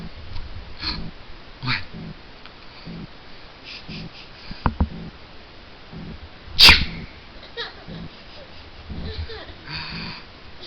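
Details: Baby boy babbling softly, with one sharp, ordinary sneeze partway through, then laughing; a single sneeze.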